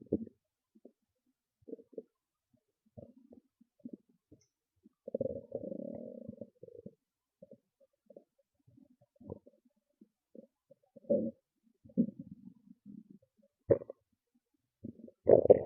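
Scattered gurgles, squeaks and short growls over a quiet background; ordinary stomach growling as gas and fluid move through the bowel.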